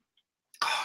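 After near-silence, one abrupt, harsh burst of noise begins and is cut off at the end, consistent with the onset of a single cough.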